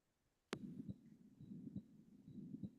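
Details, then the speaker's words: Quiz case: 10 days after anterior wall myocardial infarction, refractory heart failure and shock; auscultation at left lower sternal area: regular heart sounds about 85/min with continuous low noise between beats, a heart murmur. "A patient of myioardial inffection anterior wall 10 days before the patient now develops refractory heart failure and shock on oscultating the left lower sternal area."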